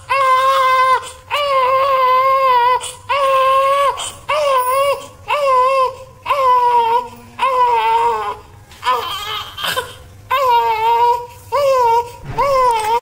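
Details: Newborn baby boy crying: repeated, strong, high-pitched crying bursts with short breaths between them; an ordinary newborn cry.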